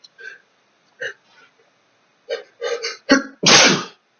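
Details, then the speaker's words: Adult male with a sneezing fit set off by his chinchillas' dust bath, nose feeling on fire: quiet breathy build-up, a sharp gasp, then a loud explosive sneeze. "but i'm just sort of overcome with sneezes at the moment"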